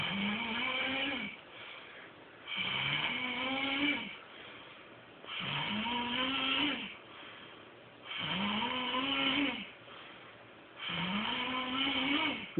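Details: Snoring in a man asleep on a couch: steady, loud, buzzing snores on each breath in, with quieter breaths out, about 22 breaths a minute.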